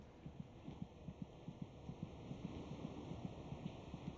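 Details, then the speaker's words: Fetal heartbeat in the third trimester, around week 26, when it may be audible against the mother's abdomen; the rate is about twice the mother's, heard more as a vibration. "the fetus's heart beats about twice as fast as the mother's monitoring the baby's heartbeat gives a good indication of his general condition it's more of a vibration"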